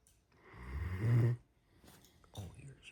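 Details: Snoring from an almost 9-month-old Great Dane puppy, with a person crunching Cheetos in bed in the background.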